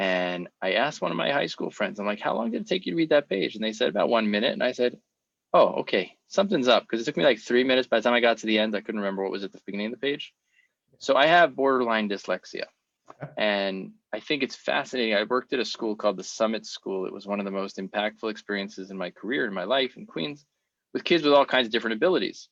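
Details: Adult man speaking; typical speech.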